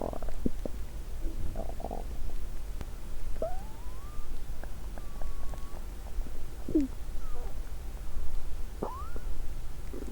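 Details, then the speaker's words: Woman's stomach recorded with a microphone on the abdomen over an hour the day after finishing a 7-day fast: intense hunger growls, low gurgling rumbles with rising and falling squeaky whines; hunger borborygmi. "After this, an intense my hunger growls. I think this is probably the Guinness World Records hunger sound😂."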